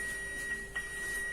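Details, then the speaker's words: Manual defibrillator charging after gel is applied to the paddles: a steady high-pitched tone as charging finishes, signalling readiness to shock before the all-clear; defibrillator charging tone. "उसके बाद में इसे charging button है, इसे charge कर देंगे। ये charge हो रहा है, जैसे ये चार्ज हो जाता है,"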